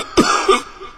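An adult gives a single acted cough: a sharp burst followed by a short rough, voiced tail.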